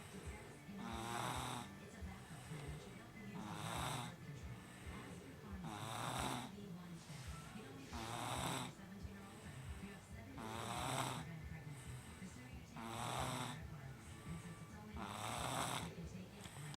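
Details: Snoring in a very tired sleeping baby girl: regular rasping snores with each breath, about 25 a minute, with faint music behind; steady snoring during sleep.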